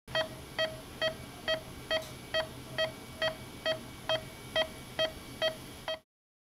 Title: Neonatal Heart Monitor Creates Fast Beeps with Some Airy Room Tone